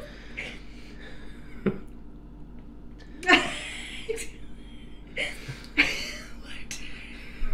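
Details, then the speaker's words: A woman's single sharp sneeze from across a quiet room, with faint household noise before and after. "hear that sneeze you think that's fun you should hear her fart"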